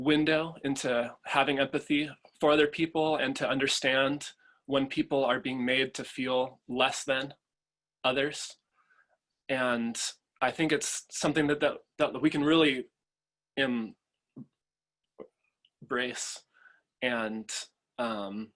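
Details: Adult man, a father, who stutters and chooses to stutter openly; stuttering.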